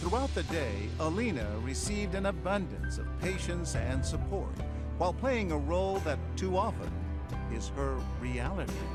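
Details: Adult narrator; normal speech.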